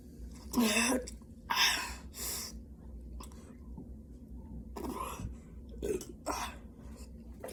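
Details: About six harsh coughs and throat-clearing sounds in uneven bursts, with quiet breathing between, from someone chugging Sprite Zero in a no-burping challenge whose throat then hurt.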